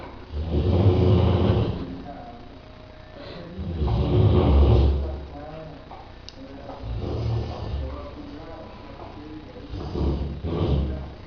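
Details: Rottweiler snoring in sleep: slow, deep rumbling breaths with a rough, snorting quality, about 19 a minute, with faint room noise.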